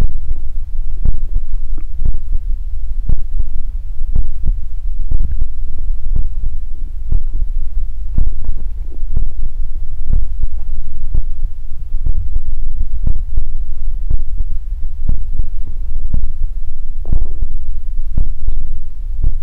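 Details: Close-up body ASMR recording of deep rumbling with frequent soft pops and gurgles from the belly; normal stomach growling (borborygmi).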